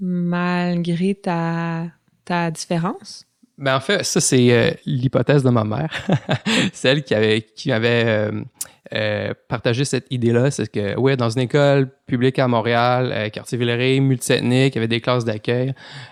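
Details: Adult male lawyer with lifelong developmental stuttering, speaking French in a real podcast interview; stuttering.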